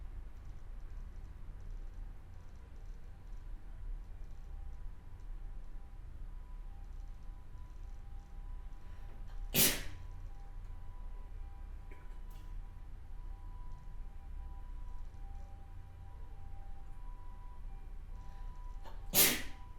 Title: sneezing1 HD